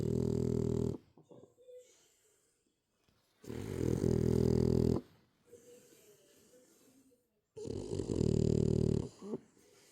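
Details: French bulldog snoring: loud rattling snores over a second long, about every three to four seconds, with quiet whistly breaths between.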